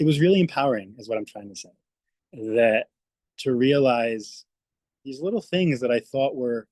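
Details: Adult speech-language pathologist who stutters, speaking spontaneously on a panel; stuttering.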